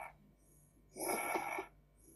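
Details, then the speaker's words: Expiratory dyspnea with wheezing after laryngospasm, linked to negative-pressure pulmonary oedema with desaturation episodes: a single labored, noisy out-breath with a faint whistling quality, heard through room echo. "ça c'est la dispnée expiratoire."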